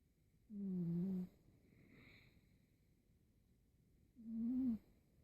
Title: snoring